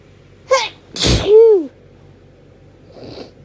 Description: Hayfever sneezes from this week (allergies have been so bad!)